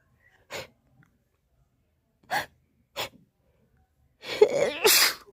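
Four sharp sneezes in quick succession, the last a louder double burst; a sneezing fit.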